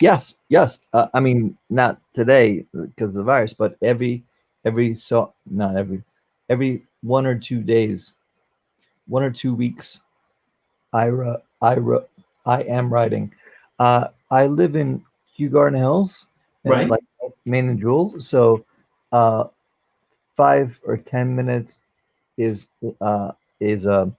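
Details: 44-year-old man, former paramedic, with post-stroke aphasia following a stroke during valve surgery; cannot use one arm; aphasia.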